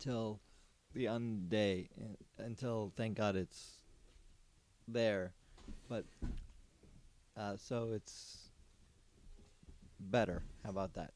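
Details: Aphasia in an adult man, a former paramedic, after a stroke during surgery about eight and a half years earlier. For about a year he could say only one word. He has ongoing speech therapy and has word-finding difficulty.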